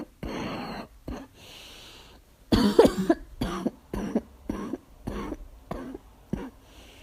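A run of about nine harsh, hoarse coughs, a barking cough linked here to asthma.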